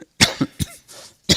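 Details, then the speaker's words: A quick run of about four short, dry cough bursts from an adult man with brief pauses: a recurrent cough he attributes to voice strain in the 7th week of a book tour with several events daily. "excuse me, and I'll have to excuse for my recurrent cough. This is the 7th week of this interminable book tour now, and I've been literally in Europe and North America and several events a day, and so my voice is carrying the brunt of that, and sometimes you'll hear me coughing."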